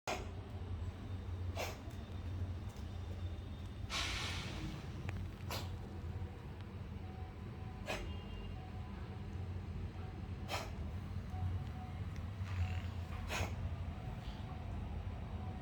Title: 고양이 기침/호흡기 질환/cat coughing 😫 😩